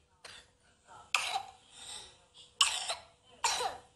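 Four loose, harsh coughs from a child, spaced about a second apart in a quiet room; a cough of viral tracheobronchitis.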